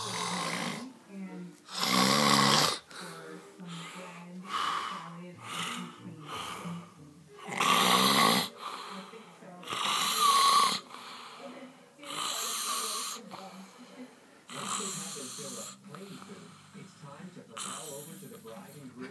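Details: Father (daddy) snoring: loud, rough, rattling snores about every two to three seconds, with quieter breaths between and faint music behind; heavy snoring.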